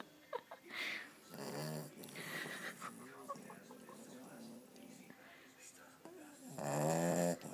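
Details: Sleeping 7-week-old female American bulldog/boxer puppy snoring in bed: several noisy, rattling breath sounds.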